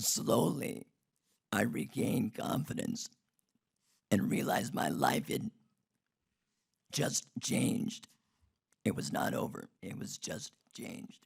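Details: Adult man who had a laryngectomy in 2016 due to long-term radiation damage from tonsil cancer treatment 19 years earlier; alaryngeal speech after laryngectomy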